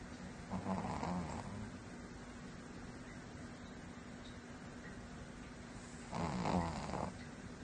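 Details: Sleeping cat snoring: two rough, fluttering snores, about 11 breaths a minute, with faint room noise between.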